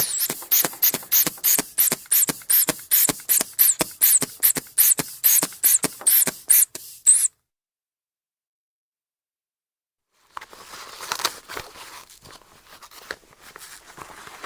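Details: Manual sphygmomanometer blood pressure measurement sound effect: rapid rhythmic hand-bulb squeezes inflating the cuff, silence, then a faint hiss and ticking as air releases during deflation.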